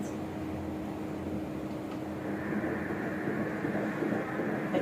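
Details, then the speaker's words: Normal fetal heartbeat on Doppler ultrasound at 12 weeks 5 days of pregnancy: fast, rhythmic whooshing at about 147 beats a minute, a normal rate. "Heartbeat হ্যাঁ শুনতে পাচ্ছেন না এটা হচ্ছে heartbeat এটাও ভালোই আছে আলহামদুলিল্লাহ"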